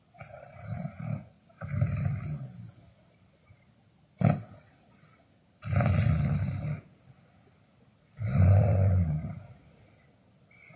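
Loud, rough, rattling snores with breathing pauses between them, about four within ten seconds; ordinary snoring.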